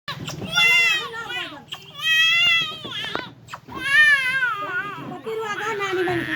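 High-pitched, wavering baby crying in repeated drawn-out wails with short catch breaths between; an ordinary infant cry.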